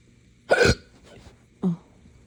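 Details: Hiccups with belching brought on by drinking morning coffee too fast on an empty stomach: two abrupt, gulping hiccup-burps about a second apart in a quiet room.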